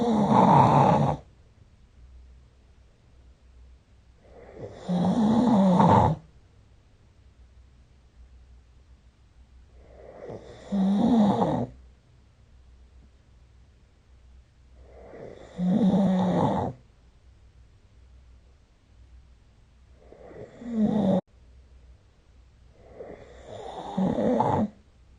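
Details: Snoring recorded with the SnoreLab app: loud, rough snores recurring about every five seconds, roughly 12 a minute, with quiet breathing between.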